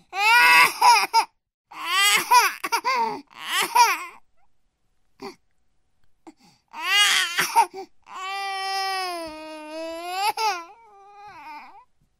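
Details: Sound effect of a 9-month-old baby crying: loud, high-pitched bursts with gasping pauses between, ending in a long drawn-out wail; an ordinary infant cry.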